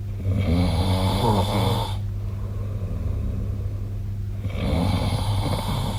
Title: 🐽 本日のイビキ / Snoring Sleep Sound 2025/03/08